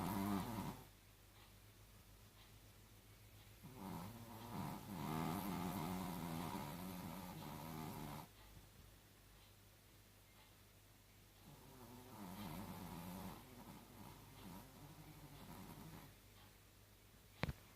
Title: Chihuahua snores